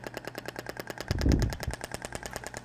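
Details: Radial shockwave device (Thork, max 200 mJ) firing rapid, even clicking pulses with a brief low thump, applied statically at frequency 10, 2,000 shots, during a practical physiotherapy training demonstration.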